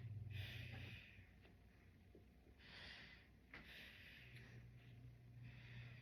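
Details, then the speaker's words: Anterior lung auscultation with stethoscope, patient doing full breathing cycles during head-to-toe exam: soft even breath sound cycles, no crackles, wheeze, rales or rhonchi; normal breath sounds, no consolidation. "And we nor note normal breath sounds and no consolidation."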